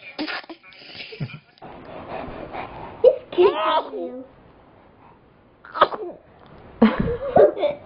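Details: Infant sneezing: several short, sharp sneezes with brief pauses between them, amid household voices, laughter, background music and "bless you".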